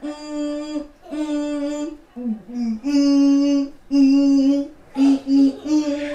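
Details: Autistic son heard just outside a bedroom door making humming, clicking and similar noises; vocal stimming.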